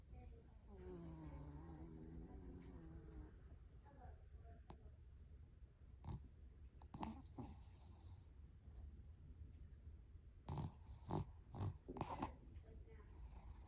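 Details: Sleeping person with low rattling breaths and some sharper snorting noises near the end, quiet room noise behind; snoring.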